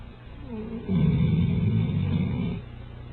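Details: One deep, loud, fluttering, low rumbling snore lasting almost two seconds, recorded indoors; loud sleep snoring.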